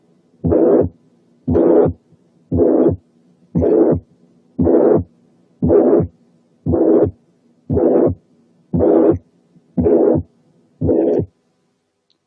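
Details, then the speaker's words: Typical pansystolic murmur, regular blowing murmurs at about 58 a minute each filling the whole systole, played for comparison with ejection murmurs. "نسمع دلوقتي typical pansystolic murmur للمقارنة."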